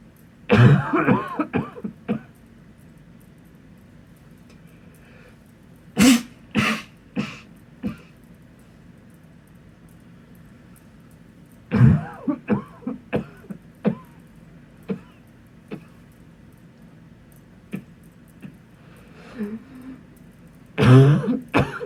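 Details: Muffled bursts of adult coughing into a pillow to stay quiet, dampened sound in a quiet room.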